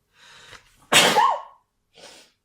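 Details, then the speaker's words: Adult who has been sick this week, sneezing while recording: a soft intake of breath, then one loud explosive sneeze with a brief voiced tail and a quieter breath. "oh holy i'm so sorry i've been sick this week"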